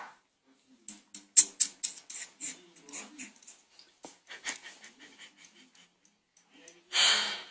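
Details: A kitten eating, with rapid wet clicking and smacking sounds, ending in a sharp hissy burst like a small sneeze.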